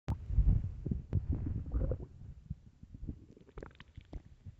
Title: empty deep hunger stomach growls part 1